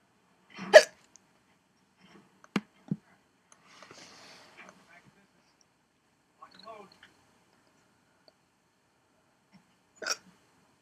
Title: hiccups 11